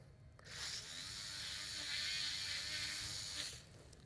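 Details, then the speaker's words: Steady high-pitched whine of a powered surgical bur, counterclockwise, grinding for about three seconds in quadrant three of the medial cuneiform articular surface during minimally invasive Lapidus joint preparation. "So but I am going to make sure that as I go into quadrant three because I'm moving the burr dorsally, I want to make sure that I am counterclockwise, which we are in."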